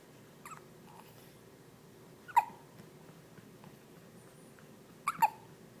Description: She hiccup sound like a sparrow